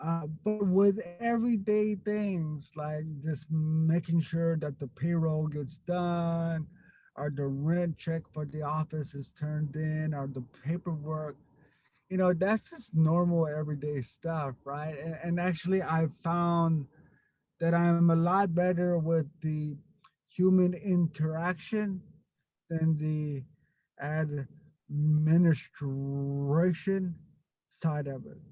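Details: Stuttering in an adult man who stutters.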